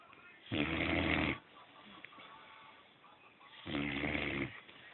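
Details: Loud, rattling snores about three seconds apart, roughly 19 a minute, with quiet breathing between, from a sleeping boxer dog; snoring.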